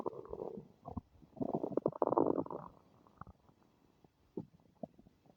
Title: My stomach is making unfamiliar noises ;-;